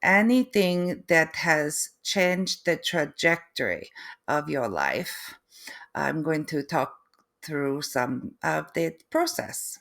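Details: Adult woman with foreign accent syndrome that began three months after a stroke, alongside post-stroke aphasia and apraxia of speech; difficulty putting sentences together and unable to write; foreign accent syndrome with apraxia of speech.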